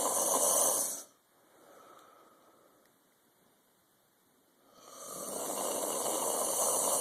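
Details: Snoring during sleep: two loud, rough, hissing breath sounds separated by a quiet pause of several seconds.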